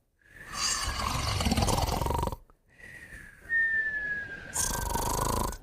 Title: Moumou & Puppy Snoring & Whistling Together